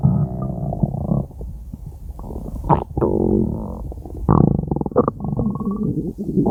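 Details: Stomach growling (borborygmi): long low gurgling and rumbling with bubbling squeaks.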